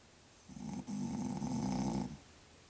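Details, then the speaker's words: Dad, who claims he doesn't snore, recorded asleep in his room: one long, rough, vibrating snore on an in-breath in a quiet room; ordinary snoring. "see Dad we told you you snore and that wasn't even the worst of it I caught you redh handed"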